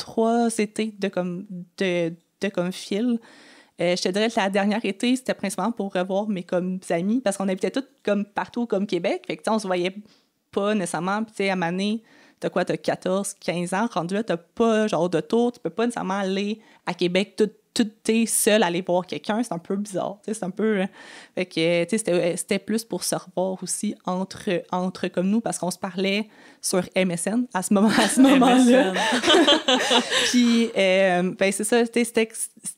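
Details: Stuttering in an adult woman who has stuttered since age 6 and had four or five speech therapies.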